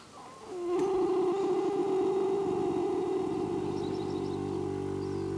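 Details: A horse napping in its pen gives one long, low, fluttering rattle as it breathes: harmless sleep snoring.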